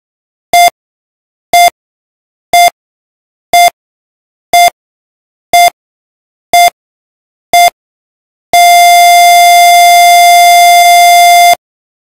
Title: Scary Sound | Hospital Life Monitor | Nakakatakot